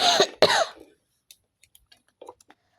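Two quick, harsh throat-clearing bursts, then near silence with a few faint clicks and rustles.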